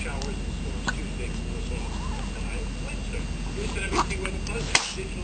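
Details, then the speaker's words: A baby's first hiccups: brief, sharp little hiccup sounds a few seconds apart over steady background television noise. "poor baby with the hiccups I'm sorry"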